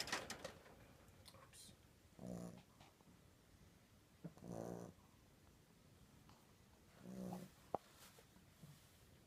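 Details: Dog snoring: three low, rumbling snores spaced a few seconds apart in a quiet room.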